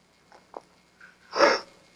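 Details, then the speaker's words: A woman with aphasia, being tested on word repetition for suspected conduction aphasia, gives one short sneeze after a couple of faint sniffs in a quiet room; she felt it coming. "Sorry, she has to sneeze. Sneeze. Go ahead. Get it out of here. Felt it coming up."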